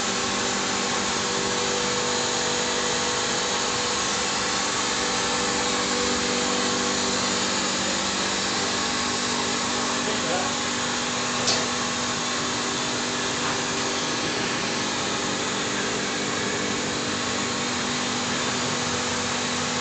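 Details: Reverse osmosis water treatment unit built to AAMI standard for hemodialysis, running normally: steady loud motor and pump hum with a constant rushing noise.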